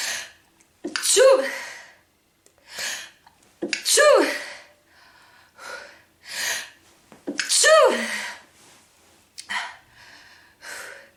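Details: Woman's sneezing fit: a run of about five forceful sneezes with sharp inhaled gasps between them.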